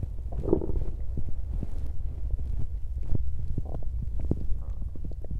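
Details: Bowel sounds (borborygmi) from a woman's belly. Low gurgling and popping sounds are heard from a full stomach, ordinary digestive activity.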